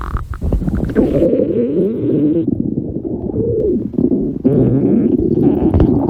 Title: All Four Girl's Stomach Growls at the same time